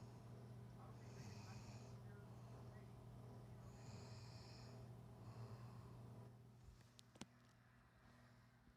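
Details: Sleeping mother, recorded by her daughter: soft, low rumbling breaths with faint whistly snorts, two breath cycles over steady room hum; light snoring.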